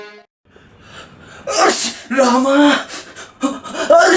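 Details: Exaggerated, likely comic imitation of different types of sneezes: quick inward gasp, then loud explosive voiced, drawn-out sneeze bursts.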